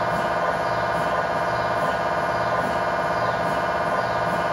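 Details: Steady loud droning hum with rapid regular pulsing about 170 a minute during a tibia/fibula lower-leg MRI sequence with a GE high-definition lower-extremity coil (stated as 16 or 8 channel), test scan in scan room; normal MRI scanner noise.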